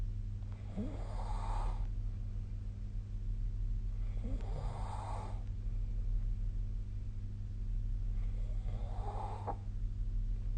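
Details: Snoring recorded during sleep with the SnoreLab app on 2025/02/23: three rough snores on the in-breath about every four seconds, around 15 breaths a minute, over a steady low hum.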